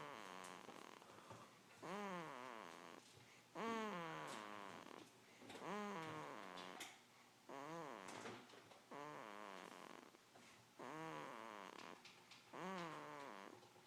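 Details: Dog snoring while sleeping: repeated squeaky, whistling snore noises, about 33 a minute.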